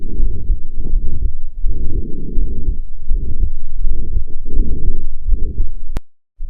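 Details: Systolic heart murmur, recorded with a Stethophone digital stethoscope, used as a marker of a range of cardiac pathologies.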